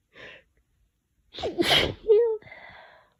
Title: messy cold sneezes